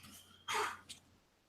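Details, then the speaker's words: A dog's sharp, hissy nasal burst followed by a smaller second snort; the owner first thought the dog was about to vomit, then recognized it as a dog sneeze. "Do you hear that? Sounds like a dog sneezing to me."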